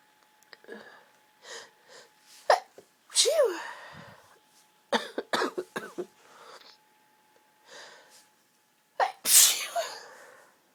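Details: Girl lying in bed surrounded by tissues, sneezing repeatedly: a run of repeated sharp sneezes, some preceded by a short in-breath, in a quiet room; repeated sneezing.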